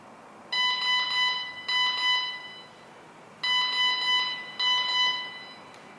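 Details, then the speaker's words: TD-2300 patient monitor sounding repeating triple-beep audible alarms for a reading outside the alarm range; pressing silence makes it visual-only, and for ECG, heart rate and SpO2 the audio alarm returns after 2 minutes. "notice this after I press the silent key it become like a visual alarm only after 2 minutes it will come back again to audio alarm for the three meter three parameters ECG heart rate and spo2"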